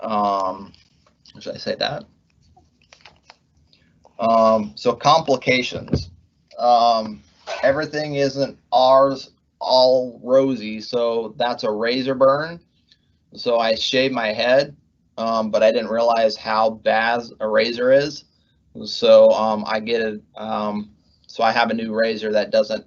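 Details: Adult male pharmacist, months after left-hemisphere ischemic stroke from left internal carotid dissection with right hemiplegia, treated with speech therapy; halting speech with repeated fillers and words; aphasia with word-finding difficulty.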